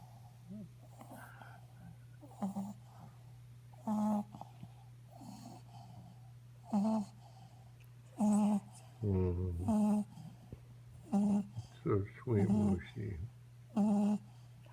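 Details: Dog (Mushu) snoring and snorting in sleep: short, buzzy breaths about every one to three seconds over a steady hum.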